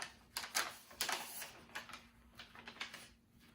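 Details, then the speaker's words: A sterile central line dressing kit is peeled open during a central line dressing change: several short crinkly, tearing bursts of packaging in a quiet room. "So next I'm going to open up my central line dressing kit so I can get the rest of my supplies out that I need. So I'm peeling this open."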